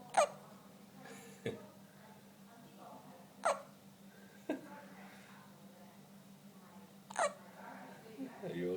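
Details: Infant hiccups: three sharp, abrupt hiccups about every three and a half seconds over a low, steady room hum.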